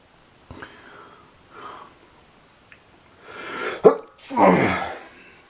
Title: MAD CRAZY LOUD SNEEZING AND SUMMER ALLERGIES!!!!